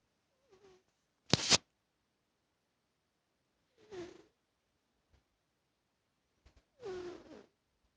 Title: Cat snoring